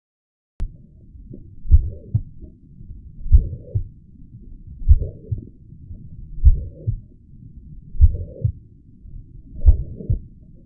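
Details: Mitral regurgitation: slow regular heartbeat with a steady, high-pitched, blowing systolic murmur filling the space after the first heart sound.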